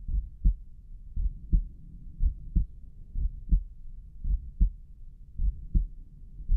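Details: Heartbeat heard at Erb's point, recorded by a person whose heart was pounding hard with visibly pulsing carotid arteries.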